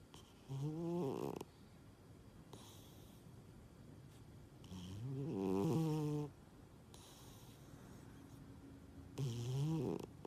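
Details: Sleeping cat snoring: three drawn-out, buzzy, tonal snores with quiet gaps, about 13 a minute; ordinary snoring.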